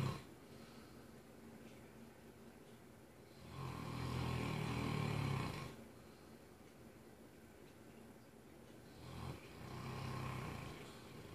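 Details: Mastiff dog snoring from across the room: two long, low, rumbling snores about five seconds apart over quiet room noise; ordinary snoring.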